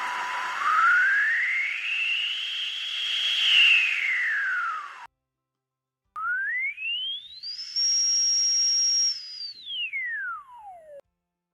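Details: Synthetic whistling tones glide up and down in pitch on a tinnitus diagnostic device that searches 20–24,000 Hz in 1 Hz steps from five representative sounds, simulating tinnitus to match a patient's own ringing.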